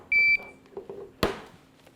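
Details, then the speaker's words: A short steady electronic beep then a click in a quiet room: an LVAD backup controller powering on by itself once a battery is connected, while the pump still runs on the old controller, during a controller exchange demonstration. "connect battery to the new controller okay you can see the new controller powered on by itself"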